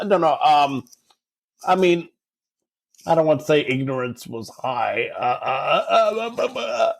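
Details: Adult man who has stuttered since about age 5 or 6, with speech therapy from age 5 to 18; stuttering in conversation.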